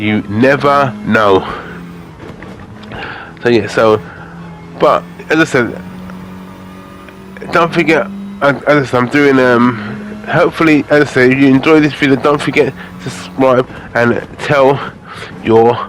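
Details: Adult man with aphasia following a major stroke in August 2013, recording gaming commentary as speech practice to improve the aphasia; aphasia.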